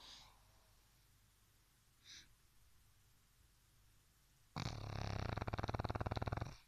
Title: Chrapanie naszego mopsa - snoring pug